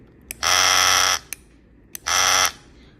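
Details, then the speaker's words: EDAN FS-1 fetal acoustic stimulator, 30–80 Hz vibration, demonstrated by pressing the power button: two loud buzzing bursts under a second each, with brief clicks between. "การใช้งานตัวปลุกเด็กนะคะด้านหลังปุ่มPowerากดไว้กระตุ้นเด็กนะคะ"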